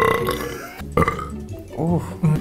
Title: BuzzFeed / Try Guys Burp Compilation 2